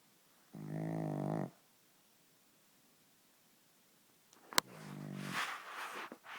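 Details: Pug snoring: a short, buzzing snore on the breath in, then a pause and a noisier, snorting breath with a sharp click.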